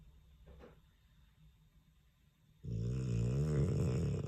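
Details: Sleeping Dogue de Bordeaux dog in a quiet room gives a loud, low, rumbling snore; snoring.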